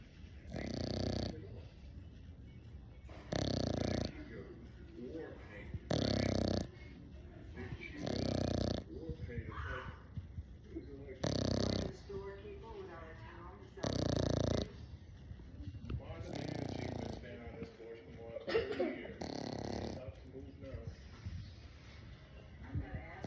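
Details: Sleeping English Bulldog puppy snoring: loud, rough snores about 23 per minute with softer snuffling between them.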